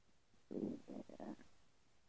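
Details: Bowel sounds (borborygmi).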